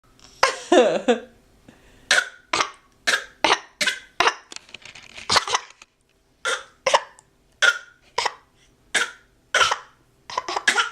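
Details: Young child giving a series of short, deliberate playful coughs; a voluntary fake cough, not illness.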